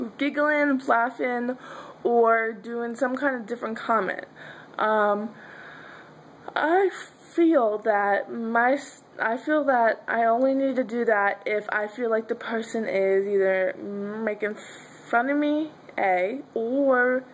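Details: Adult woman who says she stutters and that her stutter is sometimes severe; stuttering.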